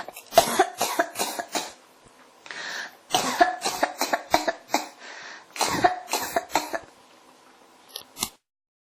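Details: Cough that won't stop: three runs of repeated harsh coughs, about 20 in all, separated by short indrawn breaths; persistent cough.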